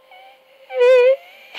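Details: Woman singing a note with phonatory onset delay each time, air leak before the note, caused by swellings on the vocal cords.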